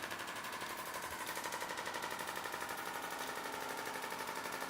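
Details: Live shockwave therapy demonstration on the Achilles tendon: rapid regular clicking pulses from the shockwave device, about four per second.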